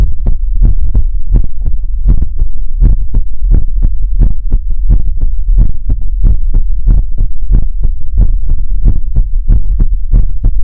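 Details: ASMR heartbeat sounds during a relaxation livestream: steady, deep thumping at roughly 110 beats a minute, with a low hum underneath; heartbeat.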